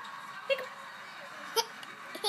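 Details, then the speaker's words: 19-month-old child with hiccups while a parent talks and coos to them; hiccups. "yeah you have the hiccups we all have hiccups"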